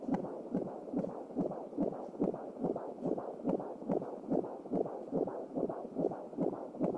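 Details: Fetal heartbeat heard with an Angelsound home Doppler: fast, regular whooshing pulses at about 140 beats a minute.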